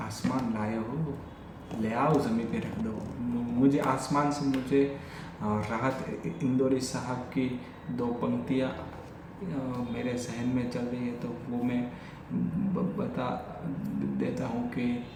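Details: Adult male with stammering since childhood, speaking spontaneously in Hindi during a daily stammering-practice session (day 45); repetitions of words and phrases; stuttering.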